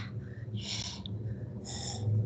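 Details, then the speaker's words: Bronchial (tubular) breath sound imitated by mouth in a respiratory semiology lesson: two harsh, hollow blowing breaths, likened to blowing through a tube, as heard over a pneumonia consolidation focus; low room hum. "lo voy a escuchar en el foco de condensación hay una zona donde está la neumonía entonces es semejante a soplar por un tubo"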